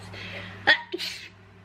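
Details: Adult sick with a cold on vacation, unable to stop sneezing: a sharp sneeze burst followed by a breathy exhale; single sneeze.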